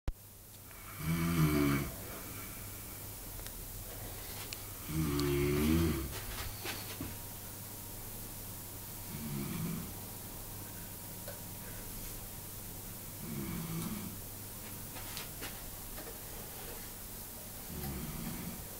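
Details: Man snoring during sleep at a stag party: loud, rattling snores on each in-breath, about 15 a minute, with quiet pauses between; ordinary snoring.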